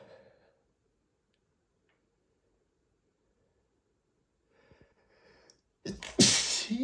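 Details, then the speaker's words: Adult, marked (M), sneezing repeatedly after dust from cleaning flared allergies: mostly quiet, then a short inhaled build-up followed by one loud explosive sneeze; snorts and sighs follow. "I've just been sneezing so much today. [snorts] I started cleaning and the dust really made my allergies flare up and I just had to stop his teeth."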